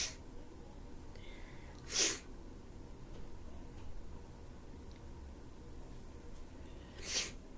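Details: Someone with a stuffy nose: two or three brief hissing sneezes with quiet sniffling between, over steady room noise; sneezing.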